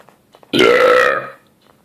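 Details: Loud burp compilation: one loud, sustained, voiced burp lasting under a second, fading at the end; burping.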